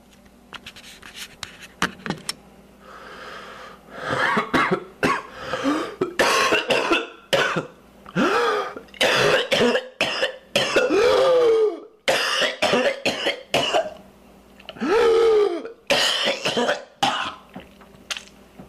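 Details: Real whooping cough (pertussis), self-diagnosed and confirmed by laboratory culture: repeated rapid coughing bursts with high-pitched whooping, gasping inhalations between them, following a cold with runny nose and low-grade fever.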